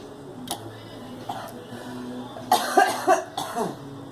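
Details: Cough from a girl: a few short coughs in a quick burst over a steady background hum.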